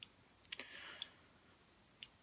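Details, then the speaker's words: Omnipod insulin pump pod priming after a pod change, pod set down while it fills its tubing with insulin to clear air; soft, sharp, irregular clicks during priming, which normally takes about 15–20 seconds. "See, it's priming, so we just wait for it while it primes. And you can hear it clicking."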